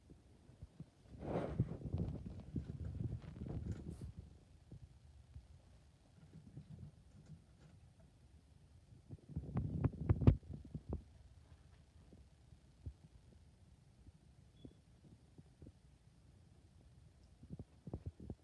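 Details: Female patient during head-to-toe assessment, abdomen auscultated with stethoscope: irregular low gurgles and rumbles in bursts with quieter gaps between; normal bowel sounds.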